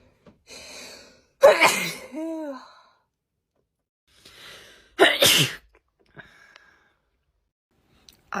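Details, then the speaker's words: Two forceful sneezes, each preceded by a sharp breathy inhale, with a brief vocal sound after the first; repeated sneezing in someone who suspects a cold caught on holiday, sneezing nonstop. "So I think I might have caught a cold whilst I was on holiday. I just keep sneezing."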